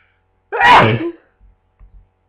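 One forceful, explosive sneeze followed by a few faint sniffs; a single ordinary sneeze.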